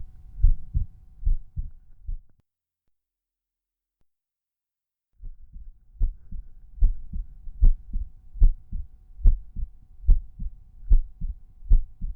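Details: Resting heartbeat at Erb's point: steady paired low thumps at about 73 beats a minute, with a brief silent gap between pairs. Normal heart sounds.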